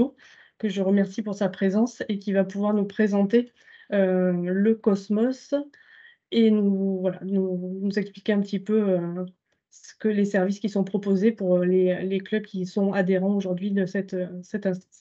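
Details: Adult speaker; normal voice.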